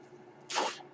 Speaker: That noise you're hearing is my ventilator, and welcome to Page Turners They Were Not, my Star Wars podcast.